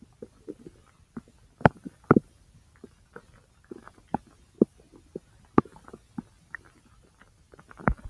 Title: Stomach Sounds (My Large Intestine - Part 1)